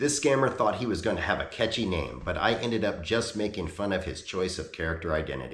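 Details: Adult male speaker; normal speech.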